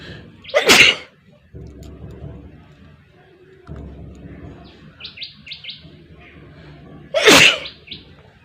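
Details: Two sharp, forceful sneezes several seconds apart, with birdsong in the background, from a requested sneezing and nose blowing challenge (part 2).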